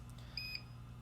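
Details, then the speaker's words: Power failure alarm of a Salute RDX 3-in-1 alternating pressure mattress pump with micro low air loss: two short high-pitched beeps over room hum, triggered when power is cut or the unit is switched off improperly at the rocker switch. "so you heard the power failure uh alarm go off a second ago anytime that power is cut to the unit including if you turn it off improperly which is just turn it off from the uh from the switch instead of from the control panel itself that power failure alarm will go"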